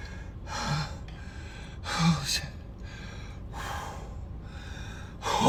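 About four loud, sharp, breathy gasping intakes of breath separated by quieter breathing; repeated gasps.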